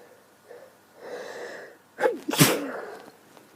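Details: Breathy inward build-up, then a sharp explosive sneeze with a short trailing voice from a woman with a bad cold and sneezing fits; sneezing.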